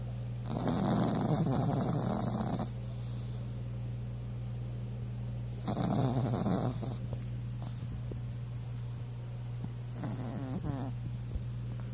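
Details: Long rumbling snores recurring every few seconds over a steady background hum, from a sleeping dog. Snoring.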